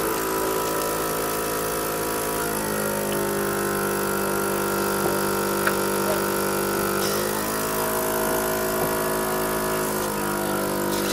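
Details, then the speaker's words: Suctioning of a patient's size 3.5 tracheostomy right after a scheduled trach change and tie tightening: a steady suction-machine motor hum whose pitch shifts as the trach is suctioned. "okay then I always like to do another section after trait change change my gloves here"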